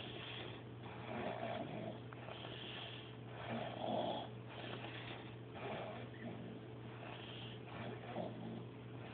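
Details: Man asleep on a couch: soft, rhythmic snoring with a breath roughly every 1.5 seconds over a steady low electrical hum; snoring.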